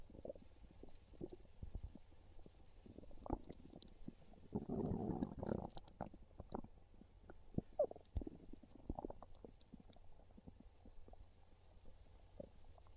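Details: Hungry stomach growling: low gurgling rumbles with one long growl in the middle over faint background hiss; ordinary hunger borborygmi.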